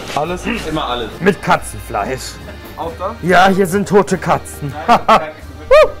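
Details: Tourette syndrome in a person working as a döner seller; repeated phrases about cat meat appear to be vocal tics.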